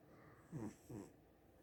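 Two soft, low snuffling snores in quick succession from a sleeping cat.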